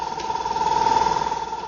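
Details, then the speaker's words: Portable mains-powered suction unit switched on to check adequate suction pressure for clearing airway secretions, recommended not exceeding set limit: quite noisy steady mechanical hum with constant whine. "so I'll give you a demonstration I switch this on it's quite noisy"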